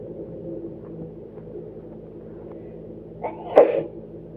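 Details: Induced sneezing: quiet room hum, a brief catching inhale, then one abrupt explosive sneeze.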